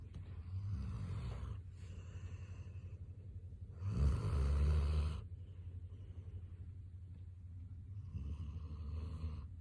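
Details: Border Collie dog snoring.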